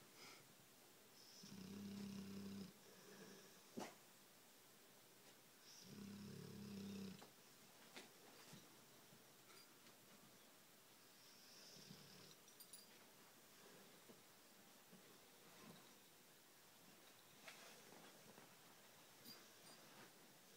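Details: Mac, a full-bred bluenose dog, asleep: two loud rattling snores on the in-breath, then softer snoring breaths in a quiet room.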